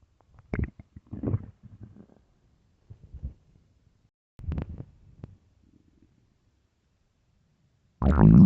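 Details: Low gurgling rumbles and squeaks in short bursts ending in a loud rumble; loud empty-stomach hunger growling (borborygmi).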